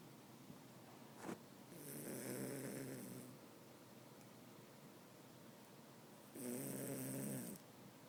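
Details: Snoring: two long, rattling in-breath snores about five seconds apart over quiet room noise.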